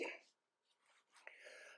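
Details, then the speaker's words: Adult man with a cough and cold: a brief throat clear or small cough, then soft breathing and a faint voiced sound. "eh sor suaraku lagi kena batuk pilek ini"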